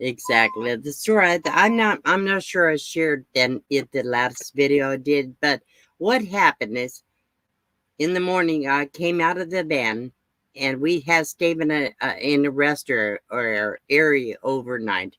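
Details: Adult woman with aphasia after her second stroke, with no paralysis; repetitions and word-finding difficulty are heard.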